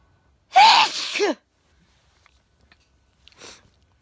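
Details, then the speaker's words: A person sneezing who says the sneezes are getting more intense, noticed with a lot of noise around: one loud, explosive sneeze with a sharp intake and a high burst, then a faint sniff. "it seems to getting more intense what I've noticed with my sneezes excuse me I'm playing a game why have notices with my sneezing when it's been a there's been a lot of noise around me"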